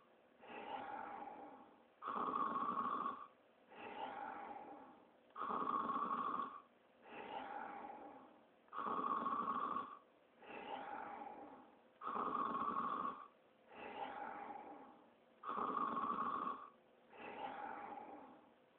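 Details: Cartoon snoring of Sonic the Hedgehog sleeping, not a real recording: steady, regular loud rasping inhalations and softer exhalations, about 9 breath cycles per minute.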